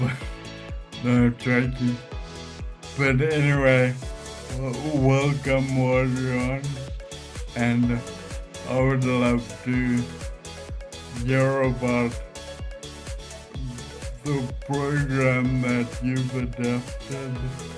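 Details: Ataxic dysarthria in a man with Friedreich's ataxia.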